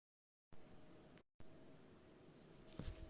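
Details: Esophageal gurgling in a 30-year-old man who cannot burp (retrograde cricopharyngeus dysfunction, R-CPD): quiet, low, irregular gurgles with a louder gulp near the end.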